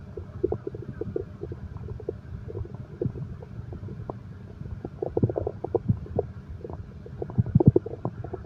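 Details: Bowel sounds of a growling stomach in an insomnia-relaxation recording combining heartbeat and stomach growl sounds.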